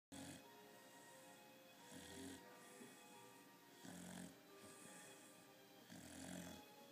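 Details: Sleeping puppy snoring: soft, rhythmic snores at about 30 breaths a minute, with faint steady background music.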